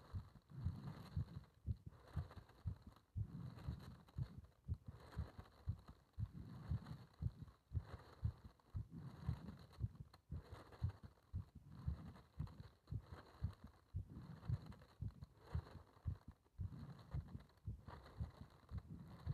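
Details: Muffled thumping heartbeat at about 115 beats a minute, with rushing breath noise, recorded during paper-bag rebreathing (part one).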